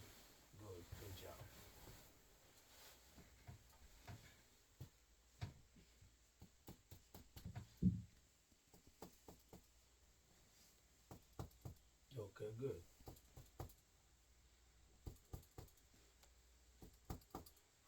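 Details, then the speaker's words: Normal resonant percussion note: a series of brief, hollow, low tapping sounds from percussion over the back of the chest, with faint room talk; no dullness suggesting tumor or abnormality, before auscultation. "are resonance sounds, which are normal lung sounds. So there's no dullness that could indicate any tumor or abnormality."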